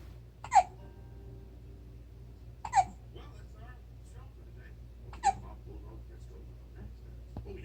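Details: 4-week-old baby with hiccups: three sharp, abrupt vocal hiccups a couple of seconds apart in a quiet room.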